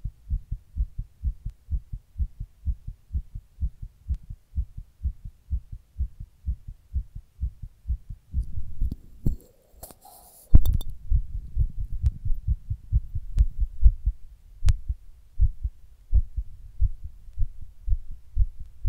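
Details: Own heart recorded while sitting in 100-degree heat during a heatwave: rapid, regular thumps with a brief rubbing noise midway, tachycardia.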